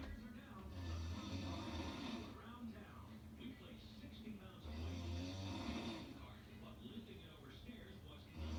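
Two long, deep, rattling snores with a television playing in the background; ordinary loud snoring.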